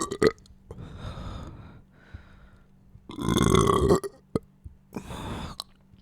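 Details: Burping after a meal: three drawn-out, rumbling belches separated by short pauses, with some background noise; ordinary post-meal belching.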